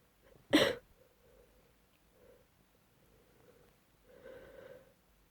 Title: Cold induced sneezing (F)